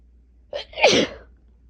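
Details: Person with first cold of the season, asthma causing chest tightness, three days of sinus pressure and two days of fever: short in-breath, then one loud, explosive, painful sneeze in a quiet room.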